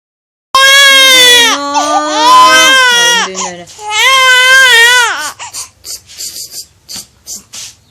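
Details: Infant crying for a long time: loud, high-pitched wailing cries with rising and falling pitch, trailing into short whimpering sobs while an adult tries to soothe the baby.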